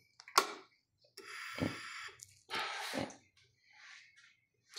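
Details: Maquet Servo-i ventilator on a test lung after passing its pre-use check following a flow transducer error, set to rate 15 and volume 500: airy hissing breath bursts separated by clicks and valve sounds; mechanical ventilator cycling.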